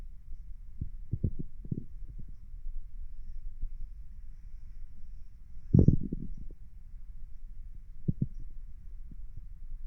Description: As requested, here is me laying down with stomach noises.